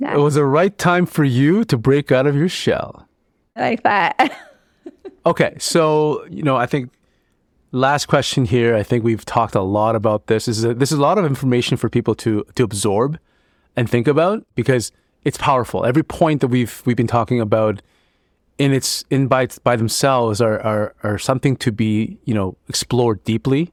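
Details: Adult male speaker; normal conversational speech.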